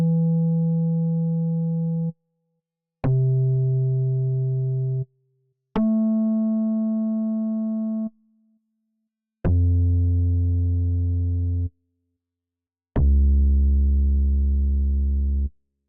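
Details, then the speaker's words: Simulated pure-tone hearing test in an ASMR role-play, not a real exam: five steady two-second tones at varying pitches separated by pauses; patient later scored over 90% in both ears; audiometry test tones. "remember to raise your hand if you hear anything on that side okay let's start the uh hearing process"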